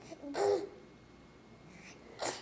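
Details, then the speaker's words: A few short, breathy sneeze-like "achoo" bursts in a quiet room from a young child standing and playfully fake-sneezing; imitated sneeze. "Look like a surfer girl. Bless you. Bless you. You little fake sneezer."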